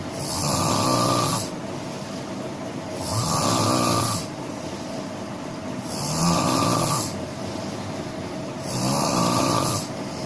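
Four loud, rough snores on each in-breath, evenly spaced about every three seconds, with quieter breathing between them. Snoring.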